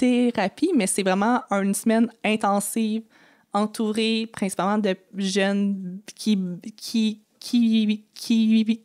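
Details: Adult French-speaking woman who has stuttered since age 6 and had about four or five speech therapy courses in primary school, secondary school and university; stuttering.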